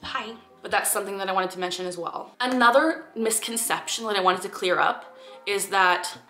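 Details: 23-year-old woman with Tourette syndrome; vocal tics such as saying "hi", often random one-offs preceded by a bubbling feeling in the throat; simple vocal tic.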